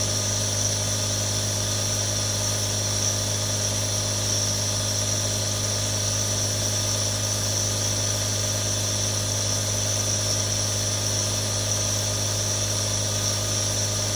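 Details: Real recording of a nebulizer running: a steady droning compressor hum with hissing airflow and an even buzz throughout.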